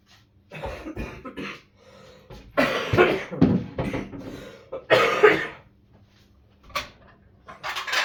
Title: Eat, clean, rest repeat.. cough cough 🤧 😬 #bossingit